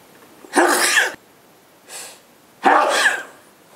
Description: me and my Girlfriend sneezing again, and blowing the Nose